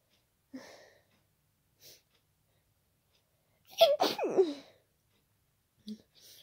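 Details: Person with an ongoing cold, very tickly nose, not stifling: soft sniffs and breaths building to one loud, wet sneeze with a voiced cry; sneezing.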